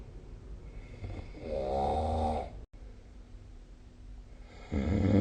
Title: 🐽 Snoring Sleep Sound / いびきの音